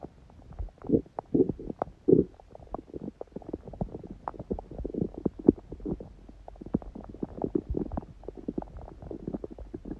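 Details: Quiet abdomen on a day of a smoothie breakfast and salad, with little hunger growling: soft, frequent gurgles and clicks without loud growling, ordinary quiet bowel sounds.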